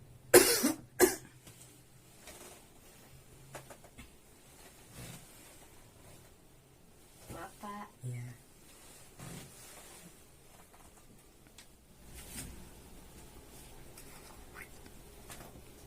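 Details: Simulated nursing demonstration of deep breathing and effective cough for sputum collection, sibling as patient: two strong deliberate coughs, then quieter breathing, throat sounds and faint talk.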